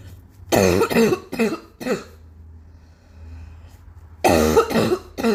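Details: Adult with ongoing cough, saying "ow" as if in pain: repeated harsh cough bursts in two clusters separated by a pause; persistent cough.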